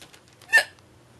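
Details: Person with morning hiccups walking around the house, struggling to speak: a single sharp, brief hiccup against a quiet background.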